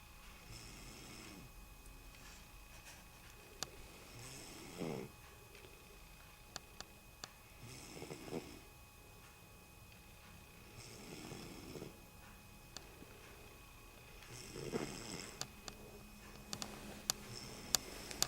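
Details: Baby sister asleep: soft, breathy snoring sounds recurring about every three seconds, roughly 18–20 breaths a minute, with faint room noise and clicks; snoring.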